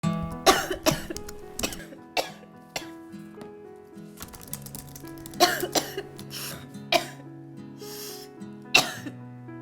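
Repeated short, harsh acted coughs, about eight bursts in clusters, played over steady background music; a plain cough of unclear wet or dry type.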